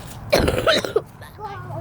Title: I was playing and I was coughing that means that I am sick!! :(